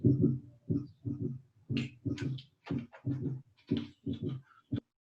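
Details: Third heart sound (S3) gallop, vocal imitation.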